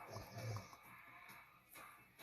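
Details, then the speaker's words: Single low, rumbling snore from a sleeping pet dog, followed by quiet room noise; snoring. "you guys hear that snore that's my dog anna"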